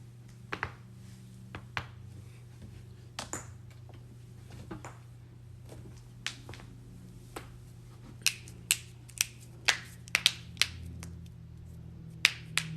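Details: Sharp, irregular cracks and pops over a low steady hum, from joints being cracked: joint cracking (crepitus).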